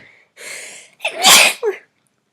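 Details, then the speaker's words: Girl sneezing after a sharp inhaled gasp: one loud, explosive sneeze with a short trailing breath; she has been sneezing all day and doesn't think it's allergies. "and it's kind of inconvenient because I've been sneezing all day and I don't think it's allergies."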